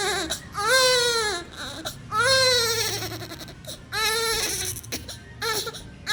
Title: Premature baby || Crying 😭 sound effect #lowbirthweight #weight1.5kg #crying